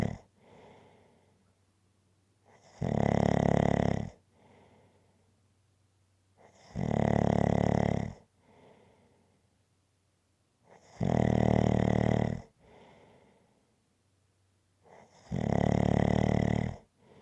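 Steady, loud snores every four seconds or so, about 14 a minute, with quiet breathing between; regular snoring in sleep.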